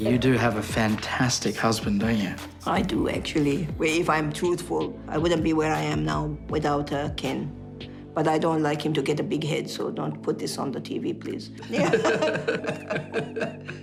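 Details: Australian woman with foreign accent syndrome after a massive stroke; her broad Australian accent switched to an Italian-sounding one, and she has had the condition for six years.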